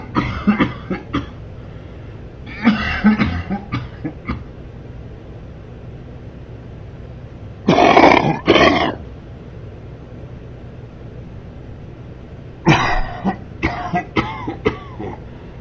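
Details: Man coughing during sleep: repeated clusters of deep, harsh coughs separated by pauses, over a steady low background hum; recurrent coughing during sleep.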